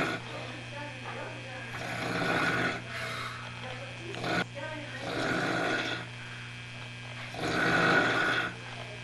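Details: Pig-like snoring, recorded 1989: rough, rasping snores, about three in nine seconds, over a steady low hum of room noise.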